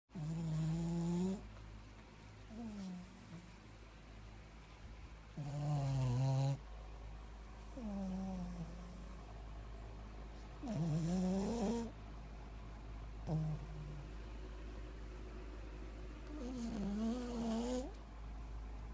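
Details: Shih Tzu sleeping on a bed, snoring loudly every night: repeated drawn-out, whistling, rattling snores at roughly 11 breaths a minute over steady room hum.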